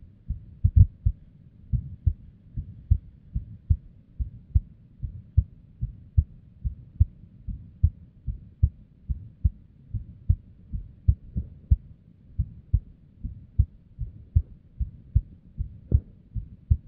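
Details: Female's unstable resting heartbeat, recorded with simple equipment: low thumps at roughly 70 a minute with uneven spacing and occasional early or louder beats; irregular heartbeat with abnormal beats.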